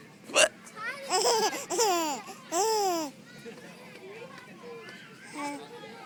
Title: She thinks my hiccups are funny